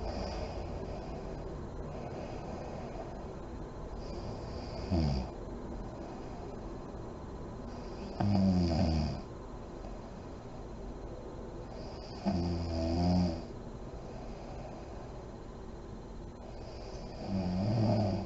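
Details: Adult woman (mom) snoring in deep REM sleep with lights on, with deep breathing and lip blowing: soft, low snores about every four seconds, roughly 14 a minute, over steady room hiss.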